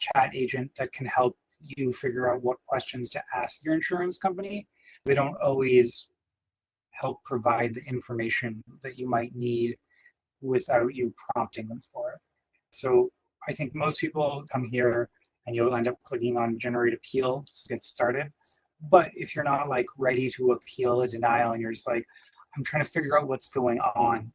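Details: Adult male speaker; typical speech.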